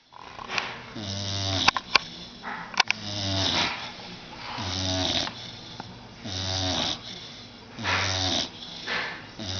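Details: About six-month-old blue nose pit bull asleep on a sofa after a bath: loud, rhythmic rattling snores on each in-breath, softer on breathing out; snoring.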